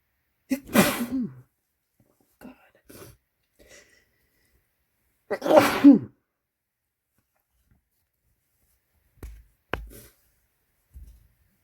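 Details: Two loud, forceful sneezes after tickly build-ups and false starts, separated by small catching breaths and sniffs, with a few quiet knocks near the end; ordinary sneezing from an adult man.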